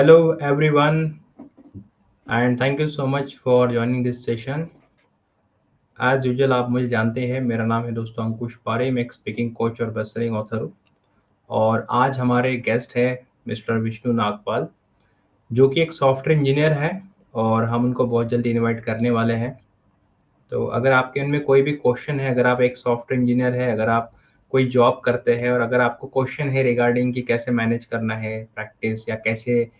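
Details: Adult male; no disorder.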